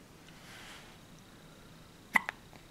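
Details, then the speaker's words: Baby in diapers with hiccups: a sudden sharp hiccup in a quiet room, followed right after by a smaller catch. "somebody has the hiccups no no hiccups I guess not I could how do we get rid of the cups how do we get rid of my caps we scare you"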